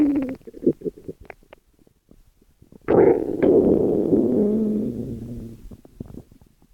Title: 12 Minutes of stomach growls